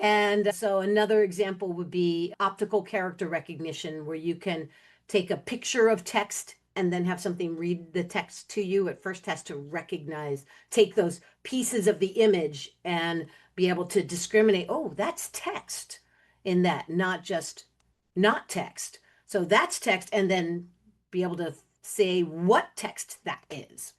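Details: Adult woman speaking; Normal speech.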